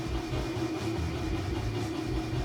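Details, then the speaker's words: Person with cystic fibrosis doing airway clearance with a chest oscillation vest on its lowest setting (30-minute setting), inhaling hypertonic saline by nebulizer: steady low mechanical rumble and hum as the air-filled vest lightly squeezes the chest to loosen mucus. "So basically it's just like a light pat. So it's filled with air, and it's just kind of squeezing me to help kind of give pressure to my lungs to, again, loosen up my mucus."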